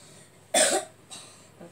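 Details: Young child with a cold (cough and runny nose), still coughing a little though sleeping better at night: a single short, dry cough with faint room sounds after.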